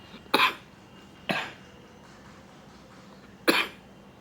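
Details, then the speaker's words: Three uneven harsh cough bursts over about four seconds from an adult in a quiet room; severe cough with fever, headache, body pain and phlegm, taking antibiotics and cough syrup. "हा यह बीमारी ने तो मुझे बहुत ज्यादा तकलीफ दे दिया बिया आई होप आ बेटर बहुत ज्यादा खासी इतना है"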